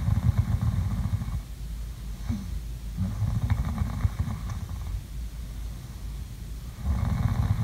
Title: ASMR| COME SLEEP WITH ME| SLEEPING SOUNDS| SNORING